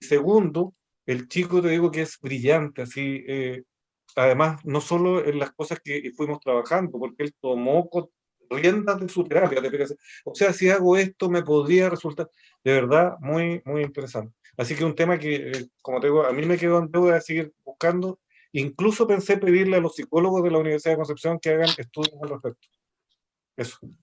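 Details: Adult speaker; normal speech.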